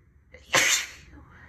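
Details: Female single sneeze on a snow day: a short indrawn breath followed by one sharp, hissing burst of air.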